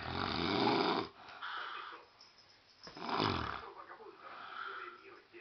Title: My Dad Snoring LOL!!!